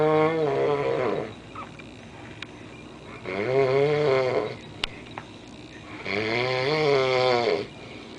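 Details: A large man snoring heavily: loud, deep, buzzing snores about every three seconds, roughly 19 a minute, with quiet gaps between breaths.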